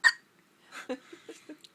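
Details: Newborn boy a couple of days old, in hospital, gives a sharp hiccup followed by soft breathy catches and small vocal sounds: newborn hiccups.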